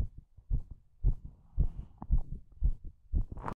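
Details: Strong heartbeat: regular low thumping paired beats at about 115 per minute.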